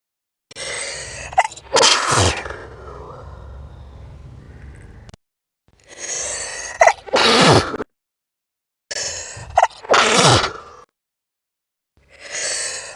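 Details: Sneezing played back slowed down: repeated sneezes, each a sharp breath in followed by an explosive burst.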